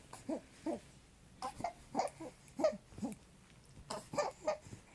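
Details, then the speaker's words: 3-month-old boy with stridor, breathing better and slowly outgrowing it, still vomiting despite Zantac; repeated high, crowing noises with each breath, inspiratory stridor. "Strider. He's breathing a lot better. He just turned 3 months on the 31st, November 31st."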